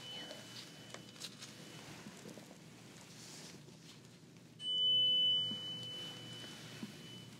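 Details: High steady pure-tone beeps, one clearly louder, over faint room noise, in a simulated ASMR doctor hearing-test role-play: pure-tone hearing test beeps.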